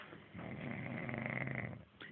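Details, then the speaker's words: Sleeping man who claims he does not snore: a single long, rattling snore on an in-breath lasting over a second, in a quiet room; snoring. "Él dice que no ronca y está roncando."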